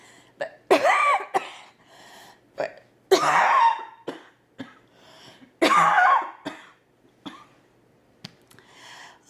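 Three harsh, forceful coughs with a faint squeaky edge and smaller throat catches between them in a quiet room; a dry cough of cough-variant asthma.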